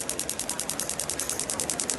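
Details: Radial shockwave therapy on an uninjured Olympic athlete with a tight thoracic spine and reduced right shoulder motion, applied without gel at a setting of 10: rapid, even clicking pulses at about ten per second over the shoulder region.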